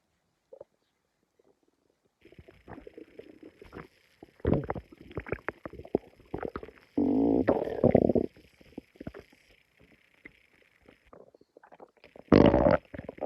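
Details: Irregular gurgles and squelching rumbles from the stomach, with a louder sustained growl midway and near the end, while feeling unwell; ordinary stomach growling (borborygmi).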